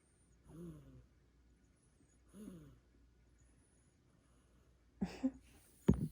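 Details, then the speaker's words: A sleeping Sphynx cat snoring: two soft, slightly pitched rattling snores on inhalation about two seconds apart, then brief handling noises. "She's snoring. She's literally snoring."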